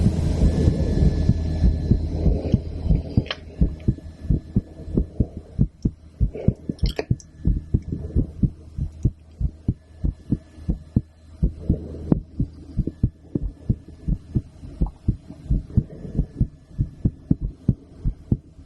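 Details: Woman's heartbeat recorded through a stethoscope after a blood draw: soft, fairly regular low thumps at about 95 a minute, over a steady low hum and some rustle.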